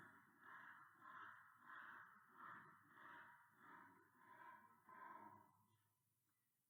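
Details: Brachycephalic dog after a brief exercise test for brachycephalic obstructive airway syndrome (BOAS): rapid, rough, snoring-like stertor at about 95 breaths a minute, from palate or nasopharyngeal obstruction.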